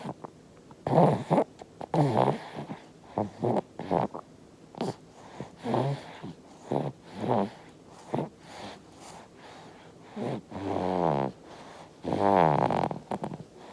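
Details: Infant snoring.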